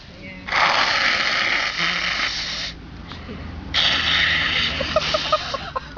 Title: Forgotten Sneezes and Nose blows Part 1